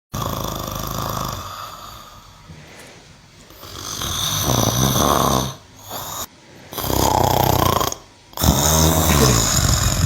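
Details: Cow snoring: loud, rough, rumbling breaths in long cycles, with a few brief pauses between them.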